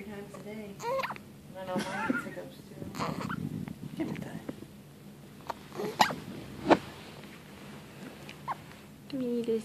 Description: Baby with the hiccups.